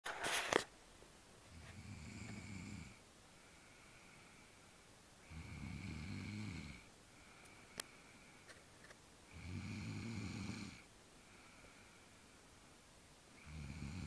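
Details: Rhythmic low rattling snores on each in-breath, roughly every four seconds, about 15 breaths a minute, in a quiet room.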